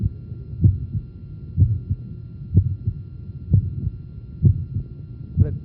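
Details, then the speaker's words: Regular heartbeat near 62 a minute with the patient turned to the left lateral position, heard at the apex over the point of maximum impulse; a systolic murmur between the heart sounds. "systolic murmur you hear a third sound no sitting"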